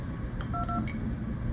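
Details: A few short electronic key beeps over steady room hum, from button presses setting up continuous cardiac output display on a Swan-Ganz SvO2 monitor.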